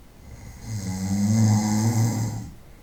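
A single long, deep, rattling snore on inhalation that builds and then fades.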